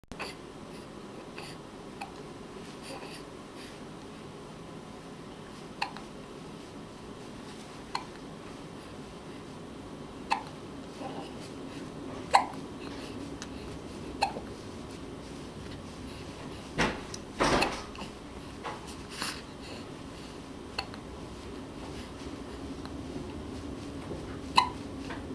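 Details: Hiccups: short, sharp, quiet hiccup sounds recur about every two seconds over steady room hum.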